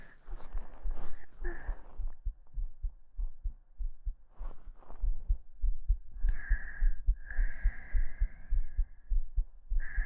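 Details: Steady, soft low heartbeat thumps recorded at the chest with a binaural (3Dio) microphone, faint breathy whispering over them; normal heart sounds.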